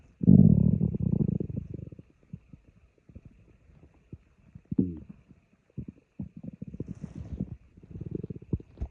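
Loud low gurgling rumble, then irregular bubbling and popping gut noises; ordinary stomach growling from gas and fluid moving through the bowel.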